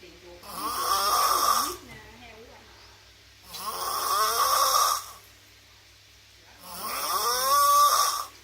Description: The world's most snoring superhero